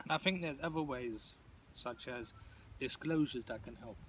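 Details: Adult who stutters, participating in a stuttering support group discussion; stuttering.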